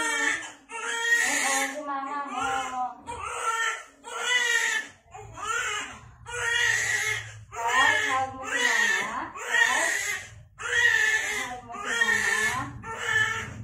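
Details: Large newborn right after a normal spontaneous vaginal hospital delivery, midwife-led: loud, rhythmic crying in repeated bursts about one a second with brief breaths between; strong, vigorous newborn cry.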